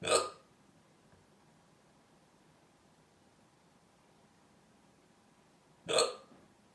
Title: My hiccups